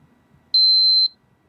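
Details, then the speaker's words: Blood glucose meter beep during a self-test by a man with type 2 diabetes diagnosed months earlier and on insulin, after a finger prick: single steady high beep of about half a second signalling enough blood on the strip. "Gives off a beep, which means it's got the right amount of blood there to test it."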